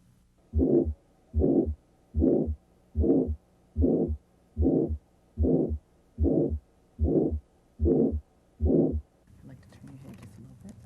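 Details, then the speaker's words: Carotid bruit heard with the stethoscope bell over the neck: regular whooshing, murmur-like bursts with each pulse at about 74 a minute, suggesting arterial narrowing; demonstration of what it would sound like. "a brewery is a whooshing murmur-like sound that suggests arterial narrowing if present it would sound like this"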